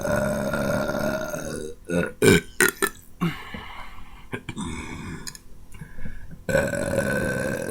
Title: Some more burps!